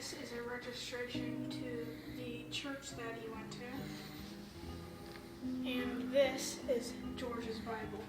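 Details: Child speaking; normal speech.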